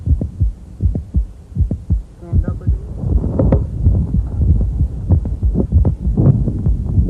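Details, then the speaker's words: Female patient with mitral valve prolapse, listened to as she squats then stands: on standing, the systolic click moves close to S1 with a brief mid-systolic murmur over low heart thumps. "with a brief mid systolic murmur that's probably intra cafeteria gradient your stethoscope is more accurate in making the diagnosis of mitral prolapse than an echo"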